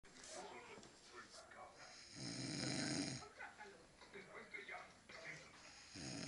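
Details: Brother sleeping after New Year's parties: one loud, rattling snore on inhalation, with room noise and faint voices in the background; snoring.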